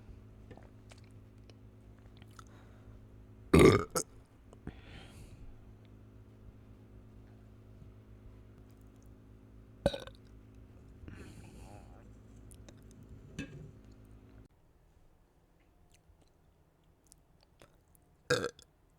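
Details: Gassy, ordinary belching while drinking soda: three loud burps spaced several seconds apart against a quiet room hum.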